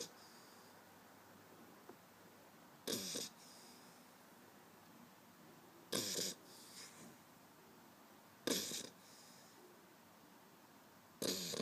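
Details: 8-week-old pit bull puppy asleep on an arm, snoring: short, hissing, snuffly breaths about every three seconds in a quiet room.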